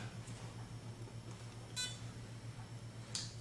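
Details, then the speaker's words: Accu-Chek Inform glucometer gives a single brief electronic beep over a low room hum as a test strip is inserted, signalling it is ready for the blood sample or control solution. "So you put the strip in until it beeps. It tells you it's ready and ready for you to apply the control solution."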